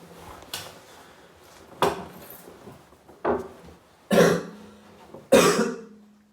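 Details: Adult sick about three days, possibly with COVID (unconfirmed), deliberately coughing up mucus: five harsh, wet cough bursts over about six seconds, the last two loud and drawn out, in a quiet room; productive cough.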